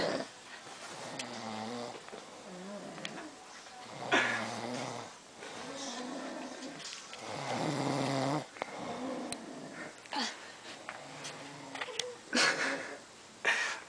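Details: Loud, rattling snores with snorts between breaths, alternating and overlapping, from two drunk friends passed out asleep on a bed; snoring.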